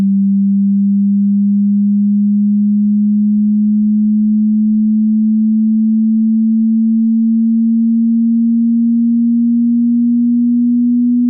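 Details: A hearing-test tone: a single steady, low-pitched pure tone rising very slightly, held for about eleven seconds.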